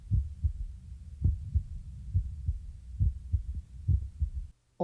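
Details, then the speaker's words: Normal apical pulse heard by stethoscope diaphragm about two inches below the left nipple, toward the center of the chest: regular lub-dub heart sounds at about 68 beats per minute, counted over one minute. "then begin to count the heartbeats for one minute each lubdub sound is one beat listen for the rhythm of the beat is it regular"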